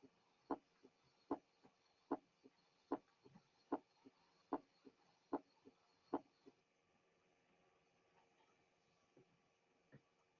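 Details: Loud first heart sound.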